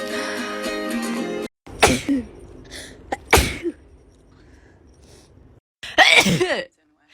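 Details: Frequent sneezer, who doesn't think it's allergies, just woke up: guitar music, then a few sharp, explosive bursts with a voiced tail, each a sneeze.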